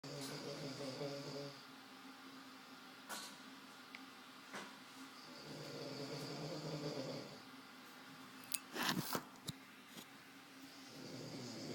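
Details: Snoring heard during auscultation, the recorder joking it may be a drunk person sleeping in their bed: rough, buzzing breath sounds about every five seconds, roughly 12 a minute, with a few sharp clicks between.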